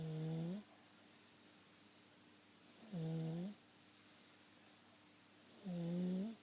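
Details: A sleeping child has continual inspiratory stridor: a harsh, high-pitched crowing noise on each breath in, about 21 breaths a minute.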